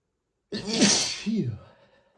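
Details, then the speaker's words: Adult male sneezing from an allergy flare after dusting books on a bookshelf: one loud, explosive voiced 'ah-choo' that trails off. "I've just been sneezing so much today. [snorts] I started cleaning and the dust really made my allergies flare up and I just had to stop his teeth."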